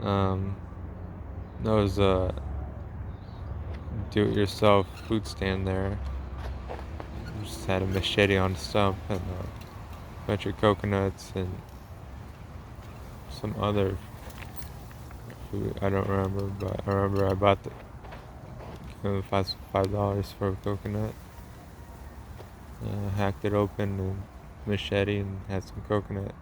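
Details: Man with a self-described speech impediment of unnamed type; disfluent speech.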